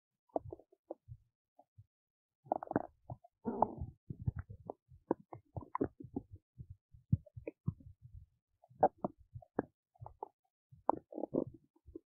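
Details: Belly noises recorded while digesting oats: frequent irregular gurgles, squelches and short bubbling runs in near silence, active ordinary bowel sounds.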